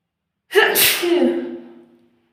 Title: Sneezing strong!read the description ❤️🙏